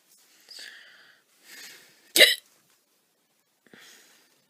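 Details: Soft breaths, then one loud, abrupt 'hic' with a sharp catch of air: a hiccup from a young woman.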